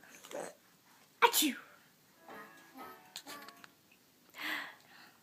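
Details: Sneezing: a single short, sharp sneeze amid soft talk and background music, with another breathy burst later.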